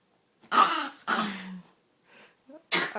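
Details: Yorkie sneezing and coughing when overexcited, which the owner puts down to its short respiratory tract: two sharp, forceful nasal bursts, a softer snort, then a third burst; repeated sneezing.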